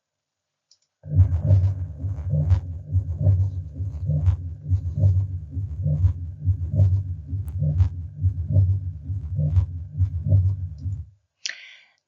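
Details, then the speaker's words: Pericardial friction rub at third left intercostal space, left sternal border (Erb's point), patient sitting up leaning forward, stethoscope diaphragm; continuous rough sandpaper-like scraping through systole and diastole, louder on inspiration, about 68 beats a minute. "the best way to describe a pericardial friction rub is take two pieces of sandpaper and rub them together and that also will simulate a pericardial friction rub"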